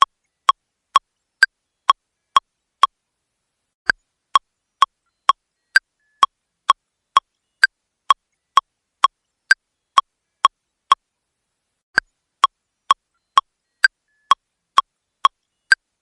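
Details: AED training demonstration: after shock delivered, device prompts five cycles of CPR; sharp regular metronome clicks about 110 to 120 a minute with brief pauses pacing chest compressions, simulated.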